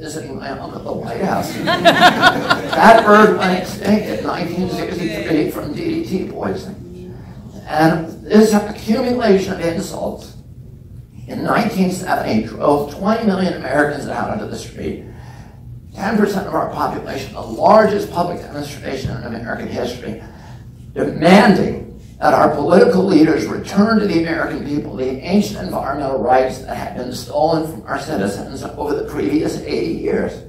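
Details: Real adult man with spasmodic dysphonia (he calls it spasmodic dystonia), onset at age 42 after a previously strong voice; he reports symptoms lessen or go away after speaking a while, and it is not painful. Finding: spasmodic dysphonia.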